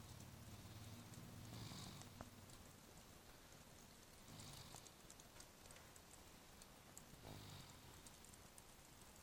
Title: snoring